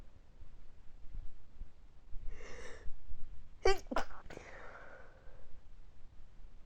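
A short run of stifled sneezes: a breathy intake, then two or three sharp, muffled bursts held back in the nose and mouth.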